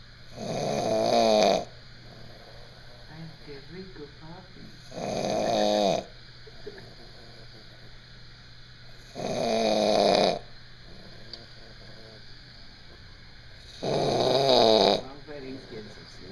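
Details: Loud, rough snores on each breath in, about four in sixteen seconds, with quiet breathing between, from someone sleeping in army barracks: ordinary snoring.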